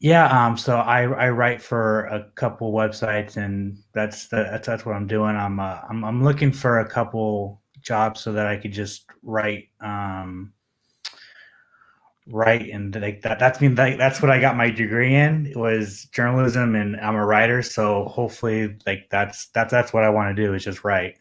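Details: Adult male who says he has a stutter that becomes audible when he is nervous; real, self-reported stuttering.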